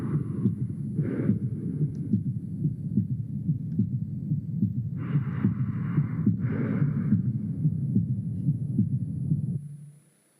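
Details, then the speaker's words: Heart auscultation of a 50-year-old diabetic man with 2 days of burning chest pain and mild exertional breathlessness, later confirmed left ventricular failure with pulmonary oedema: regular heart sounds about 71/min with soft extra low beat, S3 gallop (possibly loud S1). "The question is what can you hear? Is it S3 gallop or is it loud S1? Well, majority believes it's S3 gallop."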